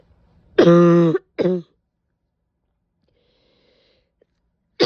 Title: painful barking cough with a couple sneezes